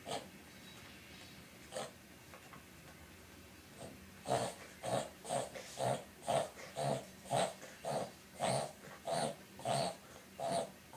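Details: Boston Terrier reverse sneezing (respiratory fit, brachycephalic breathing spasm), beginning with him licking his snout: a rapid series of loud snorting inhalations, about two a second.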